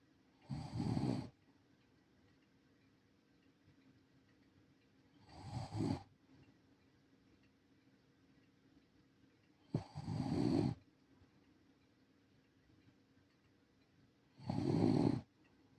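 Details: Senior rescue Shiba Inu dog asleep: four slow, rumbling snores at about 14 breaths a minute with quiet pauses between them; ordinary snoring.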